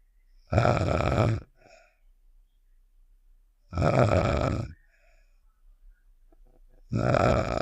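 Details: Snoring sound effect of the cartoon character Star from Save The Shapes (simulated): three loud, rough, low snores about eight seconds apart with quiet gaps between.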